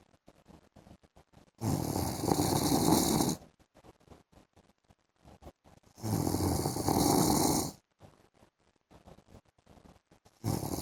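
Loud rough snores on each breath in, about every 4–5 seconds with quiet between: ordinary snoring.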